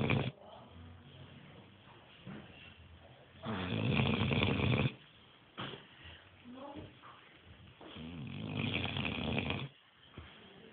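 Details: Dog in deep sleep at a light shop with customers walking around, snoring loudly: rough, fluttering breaths in two long snores about four seconds apart.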